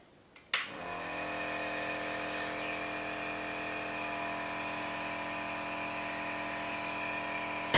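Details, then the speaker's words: Niscomed piston compressor nebulizer, used to deliver aerosolised medication for asthma, allergies and respiratory disorders, switched on and running: steady, high-pitched mechanical hum with buzzing whine, described as low-noise. "मैं cross यह picture कम return याद दिलाएगा अभी हमने चला करके देखा यह बहुत ही लो नाइस क्रिएट करता है"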